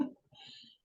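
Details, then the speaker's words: A sleeping pet dog snoring: a single soft, fluttering snore in a quiet room. "Gente esse barulhinho é a minha cachorra que está roncando dormindo tá então não se incomodem porque a Lili está dormindo e roncando"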